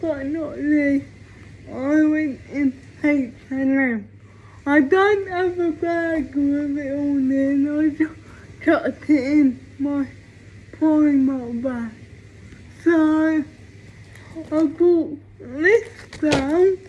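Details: Speech of a female vlogger with cerebral palsy; no specific speech disorder is named.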